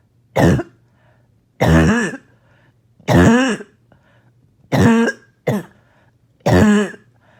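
Five loud, harsh, barking coughs about every one to two seconds, each a single deep bark with a rough, congested quality.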